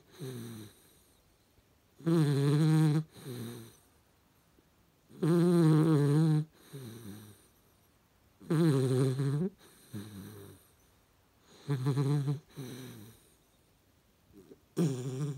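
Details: Snoring from a Hungarian Vizsla puppy; snoring.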